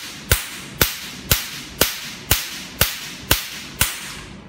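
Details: Sharp snapping clicks at a steady two per second: pulses of a DM 9006A touch-screen Nd:YAG tattoo-removal laser with 532/1064/1320 nm wavelengths.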